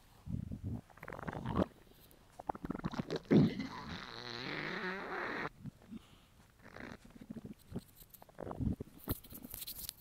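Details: An adult male's hungry stomach rumbling: low gurgling rumbles with a drawn-out bubbling growl midway, ordinary hunger bowel sounds (borborygmi).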